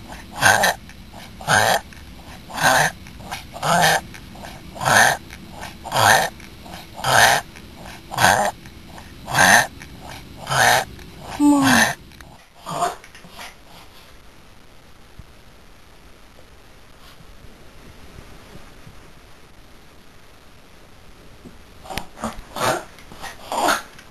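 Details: Female papillon, born end of April, with reverse sneezing episodes since November, random, worsening and more frequent; vet's throat check under anaesthetic found nothing; run of rapid, harsh snorting inhalations: reverse sneezing.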